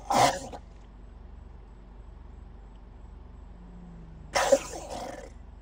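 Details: Crocodile coughing: two short, harsh, explosive bursts a few seconds apart, a cough-like sound.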